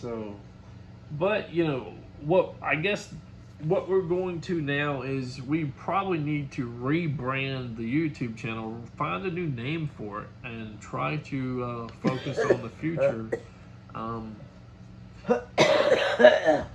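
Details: Adult man speaking; ordinary speech.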